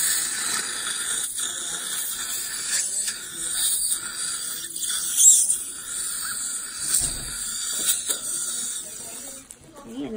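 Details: Dental air-water syringe thoroughly rinsing tooth number 30 after pumicing, before sealant placement: a steady hissing spray with bubbling water.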